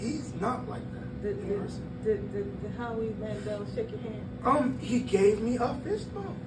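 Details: 22-year-old man born prematurely at about one pound whose vocal cords had to develop as he grew and still don't close all the way; dysphonia from incomplete vocal fold closure.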